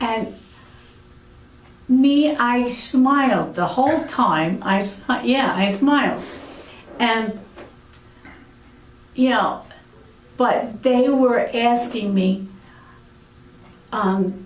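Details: Aphasia in an adult woman following a severe stroke about eight years earlier.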